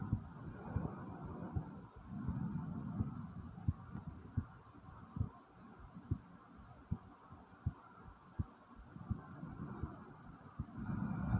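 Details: Own heartbeat recorded just after 10 jumping jacks: regular thumps at about 80 a minute with breathing swells; heartbeat after exercise.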